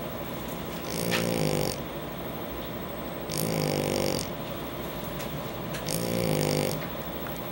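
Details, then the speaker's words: Three loud, buzzing snores roughly every two and a half seconds over steady room hiss; snoring in a sleeping Shar Pei dog. "Snoring baby."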